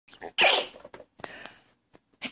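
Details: Infant fake-sneezing in imitation of the mother's sneezing sound: a sharp, hissing burst of air with short breathy sounds around it; pretend sneeze, not a real one.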